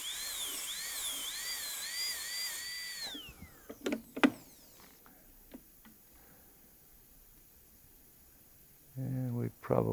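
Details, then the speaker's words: High-speed dental handpiece on a typodont in a dental school simulation lab, whine winding down then clicks and quiet room noise, defining the buccal groove with a lengthened bur during gold onlay preparation of tooth #18. "but we do need to define this new buccal groove that's now kind of moved mesially a little bit and a little bit more here i'm gonna lengthen that bur again a little bit"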